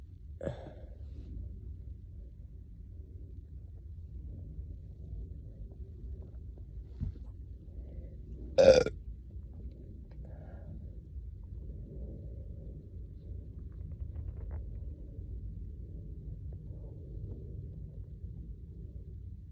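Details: One loud burp and a few faint ones over a low background rumble, after chugging a soda on an empty stomach, with bloating and hunger gurgles; belching of swallowed gas.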